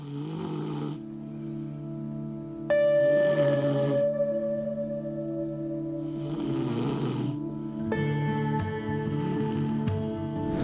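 Rhythmic rough snoring breaths, about every three seconds, heard over soft ambient music with ringing bowl tones.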